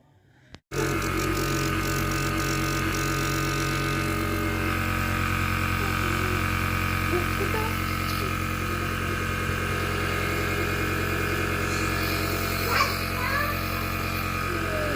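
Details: Loud, steady mechanical droning hum starting suddenly and continuing; a nebulizer machine compressor running during repair.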